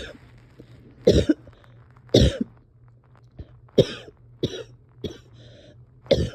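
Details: Coughing with some breathing struggles in a person having a hard time resting or getting comfortable: six coughs in about six seconds, harsh coughs mixed with throat clearing at irregular intervals, steady low hum behind.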